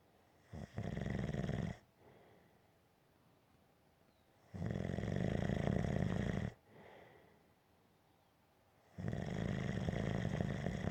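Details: Gentle snoring: regular low, rattling snores on each breath in, about three in eleven seconds, with quiet gaps between.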